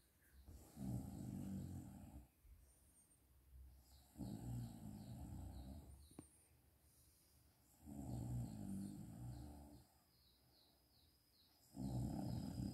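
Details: Adult woman (mother) snoring during a daytime nap: loud rattling snores on each inhaled breath, about 16 breaths a minute, with quiet exhalations between.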